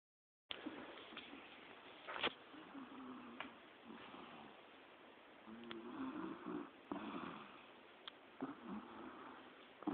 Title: snoring